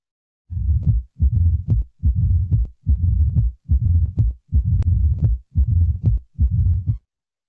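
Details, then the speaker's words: Heart sounds at the mitral focus during a clinical case discussion: a regular rhythm about 72 a minute with a low-pitched rumbling murmur filling all of diastole, from turbulent flow through a narrowed valve; mitral stenosis murmur. "Eu tô percebendo que não foco mitral ela tem esse som grave né que ocupando toda aliás o leite é um covarde a história então quando a válvula Abre ela tá fechado ela tá esse tenha usado então sucos têm dificuldade de passar naquela válvula isso aí faz um turbilhonamento ali no sangue e você escuta esse barulho"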